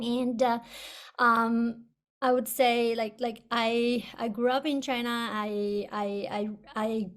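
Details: Person who stutters, speaking on a panel about stuttering therapy; audible word and part-word repetitions; stuttering.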